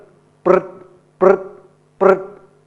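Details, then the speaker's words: Labrador with advanced laryngeal paralysis: stethoscope on the larynx picks up three harsh, buzzing, vibrating breaths, laryngeal flutter. "this this flutter when it gets to this point where it's that paralyzed when you put your stethoscope up on the larynx it is so cool because what you're going to hear is"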